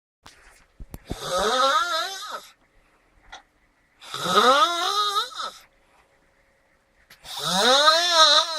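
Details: Three long, high, whining snores that rise and fall in pitch like a drawn-out moan, separated by silent pauses: snoring.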